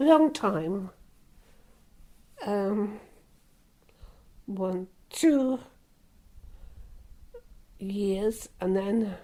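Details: Older female stroke survivor with aphasia since a stroke 26 years ago, speech worsened during lockdown, struggling to find a word while describing her stroke; aphasia.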